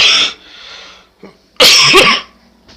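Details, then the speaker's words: Two loud, harsh cough bursts a little over a second apart, with quiet room sound between, from a man during COVID-19 quarantine in April 2020; he says it is just a cough, not coronavirus, and he is not sick. "here's the thing guys this is a cough so not a caramel virus"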